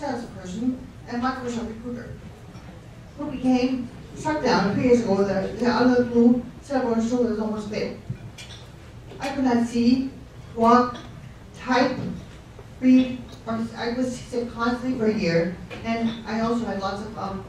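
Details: Adult speaker with ataxic dysarthria who refers to a stroke, possibly as its cause; ataxic dysarthria.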